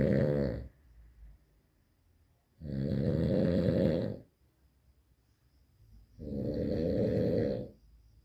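Loud, buzzing, vibrating snores on breathing in, about 17 a minute, with quiet pauses between them.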